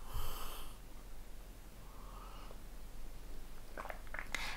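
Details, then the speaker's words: Stomach growling (borborygmi) from mild hunger: two faint, drawn-out squeaky gurgles in a quiet room, then a few small clicks. "j'espère que ça ne s'entend pas la vidéo mais j'ai le ventre qui gargouille"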